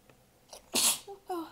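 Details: Shy sneeze from a series of some stifled and some let-out sneezes: a soft intake of breath, then one sharp, hissing sneeze burst followed by brief voice; a single small sneeze.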